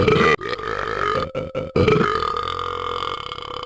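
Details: A long, loud, rumbling voiced belch with a few brief breaks; burping.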